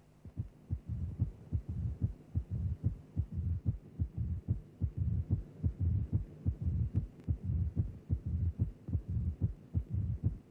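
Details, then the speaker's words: Simulated auscultation teaching recording at about 73 a minute: a loud, sharp first heart sound and a low rumbling mid-diastolic murmur following the atrial-ventricular gradient, the murmur of mitral stenosis. "stenosis of the mitro valve gives rise to a gradient between the left atrial and left ventricular pressures when the mitro valve is open the induced murma follows the gradient"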